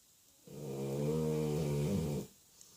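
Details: Sleeping Labrador dog: one long, loud, droning snore lasting nearly two seconds, with a vibrating, growl-like quality; snoring.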